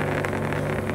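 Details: Steady low motor drone of an electric suction machine (aspirator) switched on for a demonstration, with adjustable vacuum and a filtered collection jar, used to clear airway secretions.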